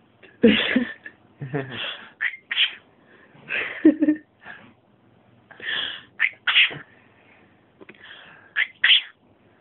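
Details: Pet named Woody sneezing and coughing while gibbering: several short, explosive sneezes and snorts with chirpy vocal noises in between.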